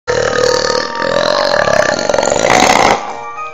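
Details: One long, loud, voiced burp lasting about three seconds, with faint background music; burping.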